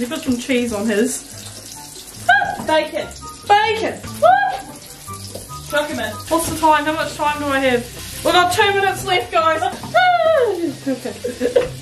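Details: Tourette syndrome vocal tics in a person with Tourette syndrome, with interjected words occurring while speaking during cooking; Tourette syndrome vocal tics.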